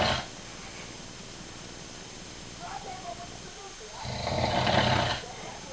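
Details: Adult man (the uploader's father) snoring during sleep: a loud, rattling snore on one breath after a quiet stretch, over steady room hiss.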